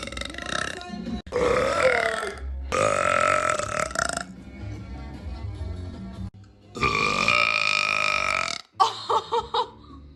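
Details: Person burping, saying one was stuck in their belly: several long, loud, drawn-out burps ending in a short run of quick small burps, with background music.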